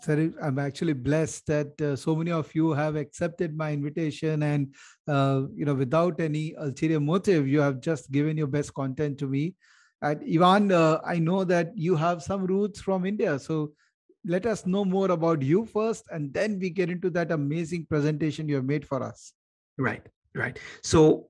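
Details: Adult male speaker; normal speech.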